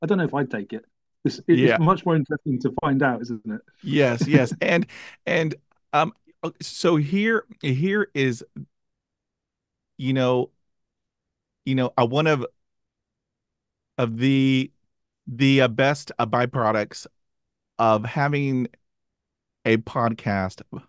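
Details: Adult who stutters, hosting a podcast; stuttering.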